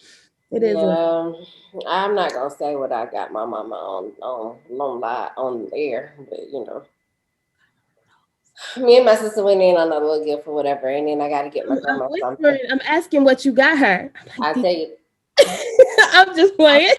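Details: Adult woman speaking; Normal voice.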